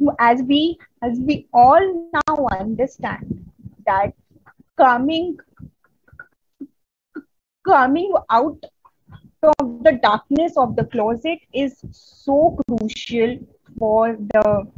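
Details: Adult woman who stutters, a member of an Indian stammering association, presenting on women and stuttering at a 2022 stuttering conference, with audible word repetitions; stuttering.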